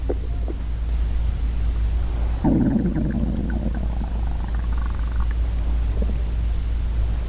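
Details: Real hungry stomach growling in a female: deep, gurgling belly rumble rising over a low steady hum; borborygmi.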